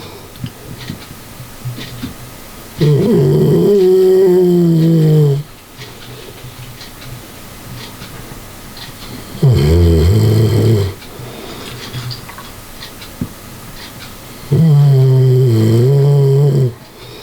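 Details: A sleeping dog snoring: loud, rough, drawn-out snores, about 11 a minute, with quiet room noise between them.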